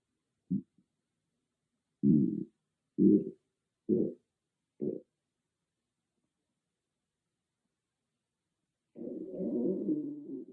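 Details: Stomach growling recorded with only an iPhone and no dedicated microphone: several short low gurgling growls, then a longer rumbling gurgle, consistent with normal borborygmi from gas and fluid moving through the gut.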